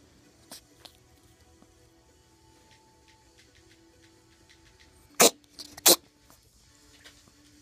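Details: Ferret with heart disease and congestive heart failure, recorded February 2016: two sharp, harsh cough bursts; cardiac cough.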